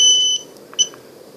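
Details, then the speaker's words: Short high electronic beeps over quiet room noise: a home infusion pump alarm, shown by a gastroparesis patient. At 5 ml per hour, once the 100 ml volume is used up, it beeps continuously with a very annoying beep. "then it'll start beeping continuously and it's a very annoying beep that you guys just heard"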